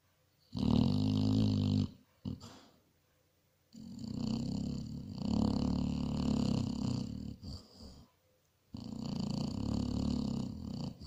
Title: SNORING BASSET HOUND